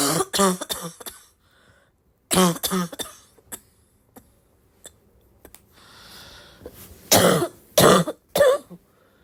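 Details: Sick girl's barky congested cough: three bouts of harsh, voiced, barking coughs, about nine in all, with a wet, congested quality and quiet pauses between bouts.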